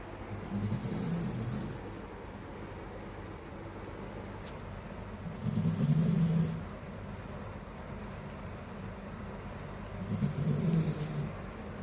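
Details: Sleeping border collie: three slow, low, rattling snores about five seconds apart with soft whistling on each breath; ordinary snoring.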